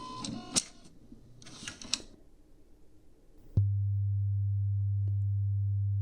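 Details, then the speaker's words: Acted ASMR ear-exam role-play with headphones: light tapping and handling, then a click and a steady low pure beep; listener raises hand on hearing it and names which ear; audiometry test tone. "Remember, raise your hand if you hear beep, okay? So now, what ear do you hear the sound?"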